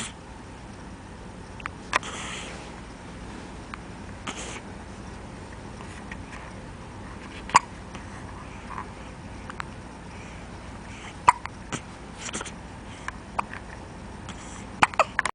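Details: Hiccups in an 8-day-old newborn: faint, brief, irregular catches at about 16 a minute over quiet room noise.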